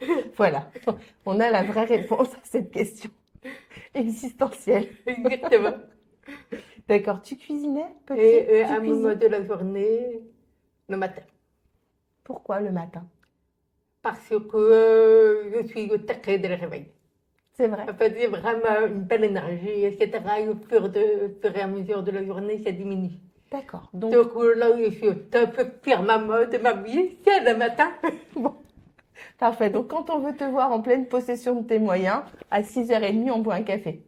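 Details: Deaf speech in French from an adult woman born profoundly deaf who had thousands of hours of speech therapy from childhood and lip-reads; real speech.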